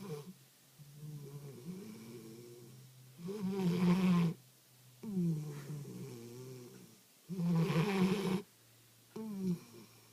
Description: Our puppy, Boo, snores A LOT, but always denies it. Here is PROOF!!